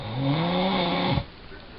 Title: Dad Moving In Sleep Snoring!!